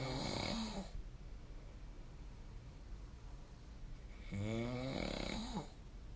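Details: Snoring during sleep, recorded with a snore-tracking app (SnoreLab).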